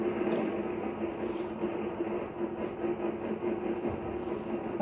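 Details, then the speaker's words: Laryngeal needle EMG on a live patient with spasmodic dysphonia; steady crackling static with faint hum as the needle records tremor-like muscle activity, less dense than on the other side. "so here again you see this Tremor like activity but less dense than on the other side"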